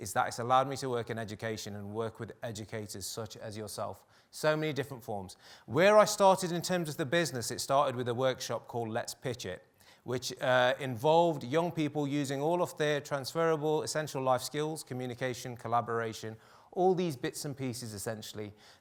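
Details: Adult male speaker; normal speech.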